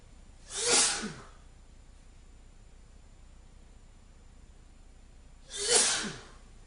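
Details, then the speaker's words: Two hissing, airy sneezes about five seconds apart in a quiet room, deliberately produced by an adult man who reports an itchy nose. "I told you I was going to sneeze. I've got a really itchy nose. As you can see, it's making me sneeze a lot."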